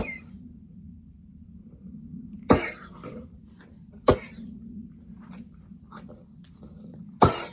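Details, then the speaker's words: Miniature horse mare with chronic asthma, suspected mild flare-up: three sharp, wet coughs with an extra gurgle of fluid in the throat, unlike her usual cough; wet cough. "Um, she does have a bit of a cough, but this is different because you can hear that fluid that's kind of in her throat. Um, you could hear that extra gurgle, that extra fluid."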